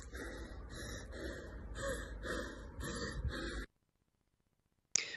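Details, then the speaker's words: Repeated noisy, effortful gasping in-breaths from a breathless athlete, who reaches for her throat, with upper-chest tension: inspiratory gasp, possible early laryngeal obstruction. "you'll have heard there is an inspiratory gasp and you'll and she's reaching for her throat too uh possible signs of early stages of glue angle obstruction there"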